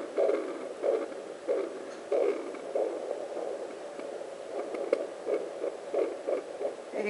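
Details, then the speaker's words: Placental blood flow on a Sonotech Pro fetal doppler used by a pregnant woman on her own abdomen: rhythmic whooshing pulses at about 90 a minute over doppler hiss, at the mother's own heart rate, unlike the baby's. "That's my heartbeat off the placenta. And you can see the different heart rates and the difference in sounds. There you go. That's the placenta."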